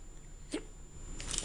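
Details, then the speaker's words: Two abrupt, short hiccups about half a second apart over steady background hum, painful, after eating a popsicle the day after stomach surgery; hiccups. "I got a popsicle and would you know it I got the hiccups and they just started I don't know what and it hurts it kind of sucks"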